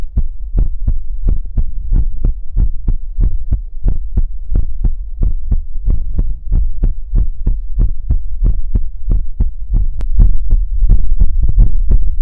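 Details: ASMR livestream heartbeat sound effect: steady, loud, muffled deep thumping at about 90 beats a minute with a low hum underneath.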